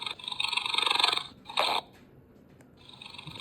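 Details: Simulated snoring from a toy bear silicone night lamp: a recorded fluttering inhaled snore followed by a softer breath-out, repeating; not a real sleeper.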